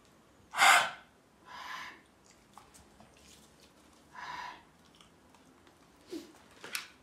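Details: Pit bull dog, sick for three days with a runny, wet nose and sneezing, which the owner calls kennel cough; several harsh, breathy hacking bursts, one of them loud, fitting a dry kennel cough.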